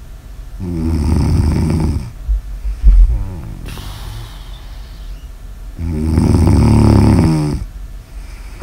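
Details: Snoring ASMR audio recording: loud, low rattling snores on two breaths in about nine seconds, with a quieter breath and a snort between them.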